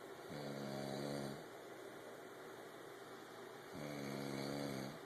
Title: snoring